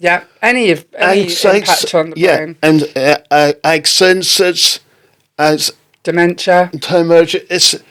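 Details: Adult woman speaking; typical speech.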